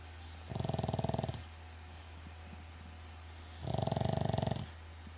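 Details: Snoring during sleep: two rhythmic, rattling snores about three seconds apart, each a buzzing flutter lasting about a second, over a steady low hum.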